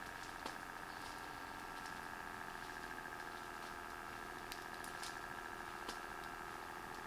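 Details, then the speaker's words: Silvercrest SBM 70 upper-arm blood pressure monitor (Bluetooth), cuff worn on the upper arm, first user selected: steady motor whine with faint clicks as the automatic cuff inflates at the start of a measurement. "Now let's wear the cuff. We can see and the diagram here. That needs to be at this position here. And the first user is flashing. You can choose second user if you want. First user right now. On off button. And start the process."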